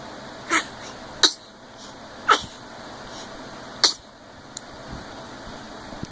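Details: Cat waking up: four short, sharp, high-pitched sneezes in a quiet room.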